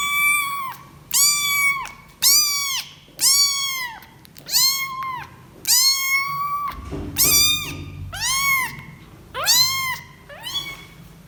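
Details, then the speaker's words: Newborn kitten crying: repeated high, thin meows, about ten cries in eleven seconds, a normal distress call. "生まれたばかりの子猫の鳴き声です。"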